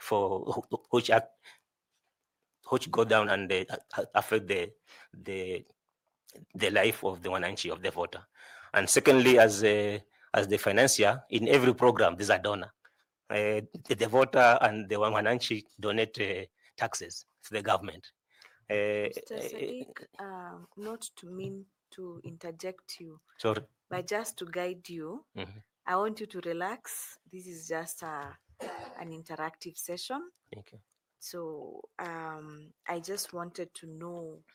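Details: 41-year-old male who says he stammers a lot, speaking in a selection panel interview; stuttering.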